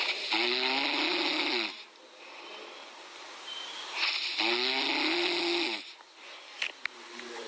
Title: A Cute Puppy | Dog Snores Loudly Like A Human..!#puppy #chihuahua #dog